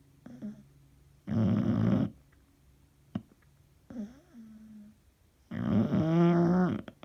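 Loud rattling snores with quieter breaths between them, in a small quiet room; ordinary adult snoring.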